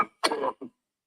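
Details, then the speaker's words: Harsh rough smoker's hacking cough burst and a weaker one, from an old cassette tape recorded by a smoker while playing piano; his coughing jags last about 20 seconds. "I could send it to you right now, but it's a coughing jag of mine. It goes on for about 20 seconds."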